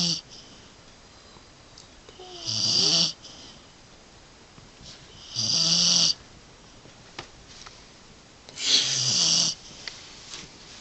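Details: Dog snoring while cozied up asleep during a winter storm: three rattling, hissing breaths about three seconds apart with quiet gaps, roughly 20 breaths a minute.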